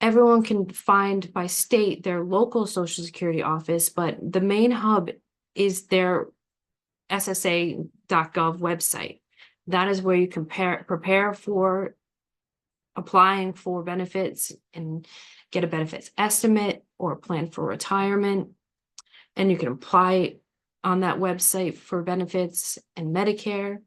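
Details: Adult woman speaking; normal speech.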